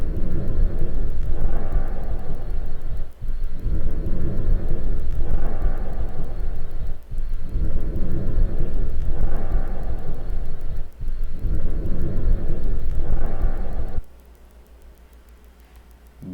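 Steady, low rustling breath sounds, about 15 breaths a minute, with equal inspiration and expiration and little pause: normal bronchovesicular breath sounds.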